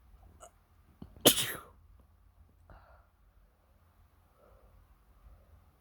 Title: just normal sneezing (supporting link in the description)